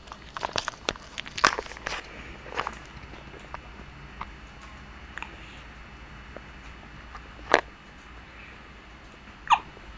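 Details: Brief sharp hiccup sounds from a small pet about two seconds apart, after early scuffling and tapping noises; hiccups.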